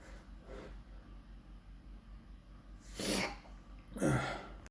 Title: couple of loud sneezes cause I felt like it